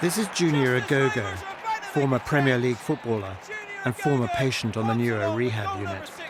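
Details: Adult male narrator; normal speech.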